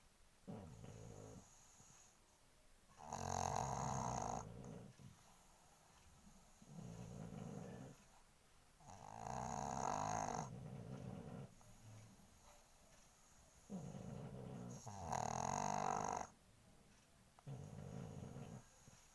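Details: Pug dog snoring while asleep: loud, rattling snores at about ten breaths a minute, alternating harsh and softer phases.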